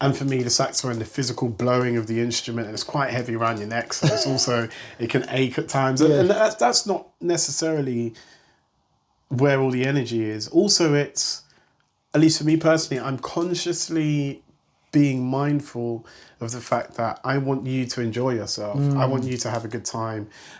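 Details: Adult man speaking; ordinary speech.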